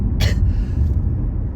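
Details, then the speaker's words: Senior adult with chronic irritation-triggered coughing, driving: single short dry cough over a car engine rumble, described as much better now; cough. "y'all hear that cough and it's much better"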